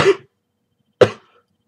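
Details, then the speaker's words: Two sharp, harsh, unproductive cough bursts about a second apart during an hour-long coughing fit with sore throat, not relieved by tea, hot water or Chinese medicine; dry cough. "hey guys what's up and welcome to today's video where i just had a coughing fit and having having a coughing fit for the past i don't know like the hour or so"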